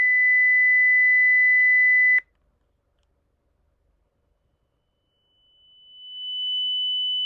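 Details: Online hyperacusis hearing test played through calibrated headphones, checking the loudness discomfort level (LDL) by frequency: a steady pure tone sounds for about two seconds and stops abruptly, then after silence a higher tone fades in and grows louder.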